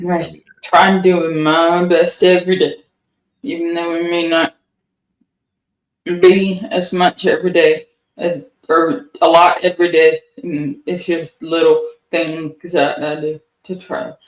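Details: Adult woman with Huntington's disease, a rare inherited neurodegenerative condition, speaking in an interview; mild dysarthria in Huntington's disease.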